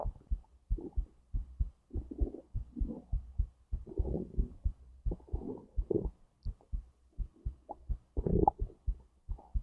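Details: Self-recorded digestion and heartbeat, stomach to intestines: close, continuous low gurgles and rumbling pulses with a faint steady low throb underneath. Ordinary bowel sounds.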